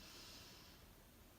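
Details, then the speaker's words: Deliberate deep diaphragmatic inhalation through the nose, a single long airy breath in, demonstrating breath support for voice: lower abdomen expands rather than chest breathing. "so when you take in a deep breath what you want to see happen is this lower part expand"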